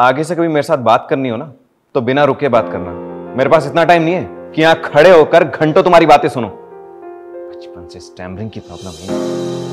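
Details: Adult man, acted scene; no speech disorder.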